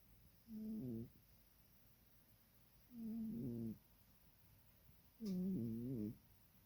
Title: Epic Cat Snoring